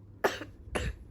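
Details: Child who is a little sick, at bedtime: two brief, moist-sounding coughs in quick succession in a quiet room. Cough during a mild illness.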